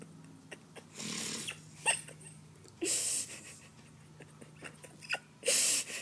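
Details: An adult woman snoring: three harsh, hissing snore sounds at a steady rhythm of about 25 breaths a minute, with soft clicks and room noise between them.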